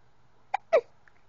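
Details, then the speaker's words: Baby girl who often gets hiccups: two short, abrupt voiced catches about a fifth of a second apart in a quiet room while a parent talks to her; hiccups. "What are you looking at? What are you looking at? You okay? Oh, you don't like the hiccups, do you?"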